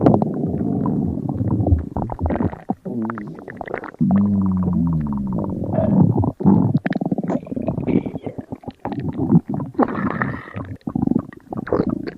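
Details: Simulated stomach noises from a game bot character: continuous low gurgling and growling rumbles with brief gaps, imitating a hungry stomach; stomach rumbling.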